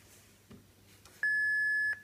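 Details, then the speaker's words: Philips HS1 automated external defibrillator being tested: a single steady high-pitched electronic beep under a second in a quiet room, an AED prompt tone, after pad placement on bare skin, then voice prompts: analyzing, shock advised, stay clear, press flashing orange button, shock delivered. "no one should touch the patient analyzing no one should touch the patient analyzing shock advised stay clear of patient press the flashing orange button now shock delivered"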